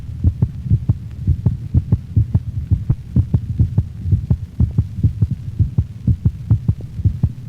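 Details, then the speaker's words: Normal canine heart sounds at the mitral valve region, left fifth intercostal space at the sternal border, with respiratory sinus arrhythmia, rate varying with respiration; first heart sound lower in frequency than the second. "sinus arrhythmia a normal variation in cardiac rate is related to respiration in dogs it is heard in most of the sounds recorded listen to the normal heart sounds of a dog heard of the mitral valve region near the left fifth intercostal space at the sternal border"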